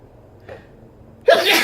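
A brief quiet intake, then one sudden loud burst at the end, a single sneeze.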